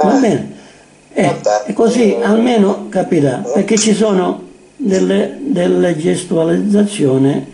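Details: Adult speaker, Italian; ordinary speech.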